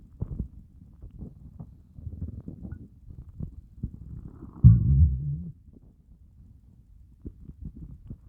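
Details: Empty stomach after a fast of over 30 hours: low gurgling and a loud groaning rumble; hunger borborygmi, a normal bowel sound.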